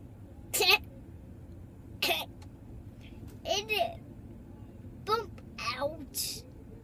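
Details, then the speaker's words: Young child with hiccups, talking with his mother about drinking water to stop them: several short, abrupt vocal bursts with quiet gaps, a voice heard briefly; hiccups. "mommy what baby love you didn't hear the sound the sound of what did it sound it's coming there it is i like your hiccups they're cute"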